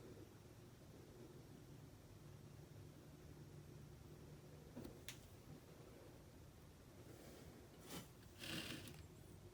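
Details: Faint raspy hisses and a soft pop from a boa constrictor in a shed cycle; owner suspected upper respiratory infection, actually retained shed skin in nostrils; wheezing.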